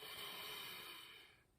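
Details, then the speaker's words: A single forceful, breathy open-mouthed huff, a forced exhalation that fades, done by a person with cystic fibrosis as chest physiotherapy airway clearance at the end of Aerobika/Acapella vibration device cycles. "obviously a bit of um huffing uh which is obviously taking a deep breath in"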